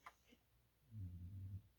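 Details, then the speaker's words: A pet dog resting on the floor nearby gives a single quiet, low-pitched rumbling breath after a faint click: a soft snore. "you hear that quiet little snore? That's Molly down there."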